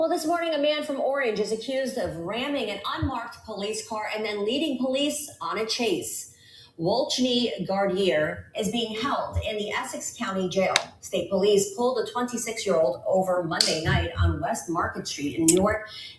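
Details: Adult woman, news-style narration; normal speech.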